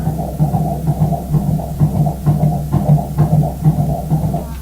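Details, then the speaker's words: Fetal ultrasound Doppler of a male fetus, four-chamber heart normally oriented toward the left: fast, regular whooshing pulses over a low hum at about 130 beats a minute, down from 140 earlier; normal fetal heart rate and rhythm. "Nice and regular. We like to hear a regular beat. Looks like right then his heart was beating 130."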